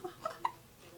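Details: Newborn girl after feeding, during bonding time with her mother: three quick, soft, squeaky, evenly spaced hic sounds. Ordinary infant hiccups.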